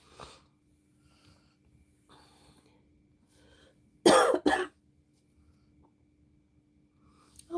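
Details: Two quick, harsh coughs with a faint steady hum and no clear wheeze, from an adult with bronchitis who is taking amoxicillin and using an inhaler and says they sound better; cough in bronchitis.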